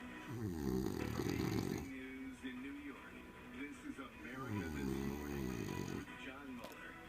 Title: Snoring. Williamsburg, NYC.